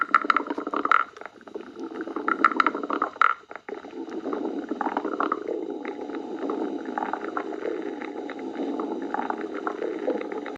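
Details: Stomach growling (borborygmi): low, continuous rumbling and gurgling with brief squeaky bubbling bursts.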